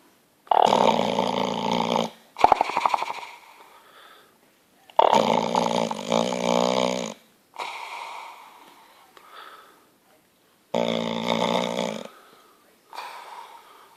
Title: Bulldog snoring staffie yorkie